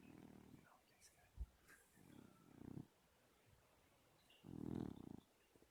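Soft, low, rattling breaths repeating every couple of seconds, a louder one near the end; a sleeping cat snoring, harmless.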